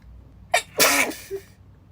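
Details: A sharp inward catch of breath, then one forceful, hissing sneeze from a girl in a quiet room; ordinary single sneeze.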